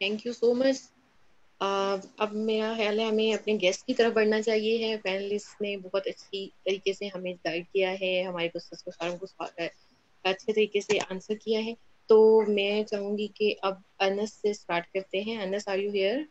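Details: Adult woman speaking Hindi; normal speech.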